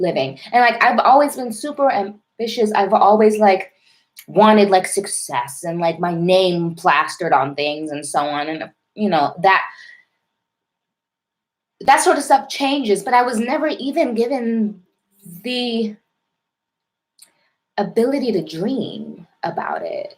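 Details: Adult woman with a self-described severe, overt stutter involving heavy blocking, present since childhood and ongoing; stuttering.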